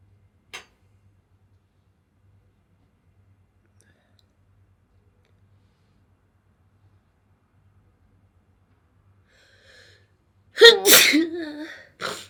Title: minto sneezing1 short HD